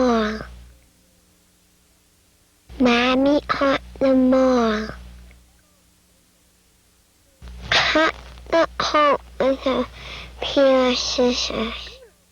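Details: Child speaker uses pharyngeal stops in sentences; pharyngeal stops (cleft palate speech).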